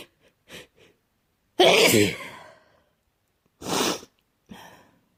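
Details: Person sick with a cold, sneezing: two forceful sneezes with a few soft sniffs and breaths before them.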